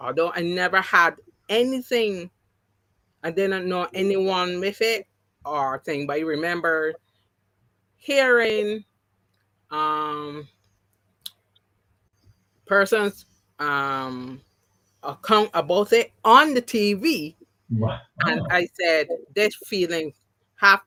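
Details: Mild post-stroke aphasia in an adult woman who had three strokes (2017, 2018, 2019). The first was haemorrhagic, causing loss of speech and right-sided paralysis. Speech has been regained, but some words will never come back.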